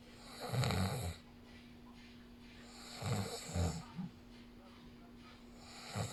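Low rumbling snores on breathing in, about 20 a minute, with a steady hum in the background.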